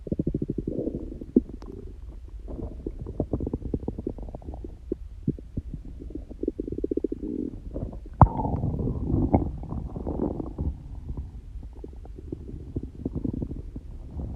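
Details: Stomach growling (borborygmi) in a person who says their stomach is prone to very loud noises, not hungry and no stomachache: continuous low rumbling with rapid bubbling, creaking runs and gurgles throughout.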